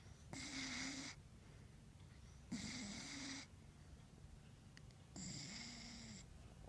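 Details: Rescue dog dreaming and snoring during sleep: three raspy, whistling snores about two seconds apart, roughly 27 breaths a minute, in a quiet room.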